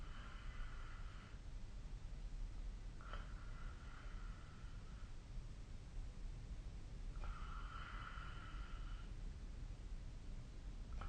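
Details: Snoring recorded during sleep with the SnoreLab snoring app.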